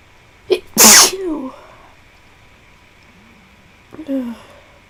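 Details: One loud, explosive sneeze with a sharp intake before it, then a quieter voiced sound, in a quiet room, from a person unwell and feverish, reportedly worsening, with a tickly nose.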